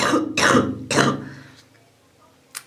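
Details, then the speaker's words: Adult recovering from a cold, still coughing with a runny nose but sore throat gone: three forceful cough bursts, then quiet and a brief sniff-like sound. "Husten habe ich noch, wie man hört. Schnupfen auch noch, aber mein Hals ist zumindest weg."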